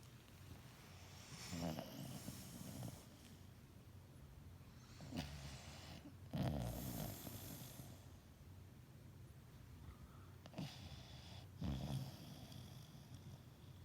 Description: taking a nice nap.